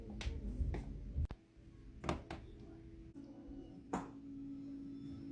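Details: Several sharp, brief pops and clicks over a low room hum as joints move: joint cracking (crepitus).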